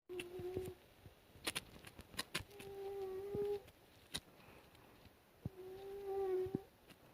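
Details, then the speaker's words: Sleeping cat snoring: three drawn-out, whistling, tonal snores about ten seconds apart, with faint clicks and rustling between; the owner then wakes the sleepy cat, noting it was snoring. "hi you were snoring you were snoring hello hi mooney how are you you sleepy"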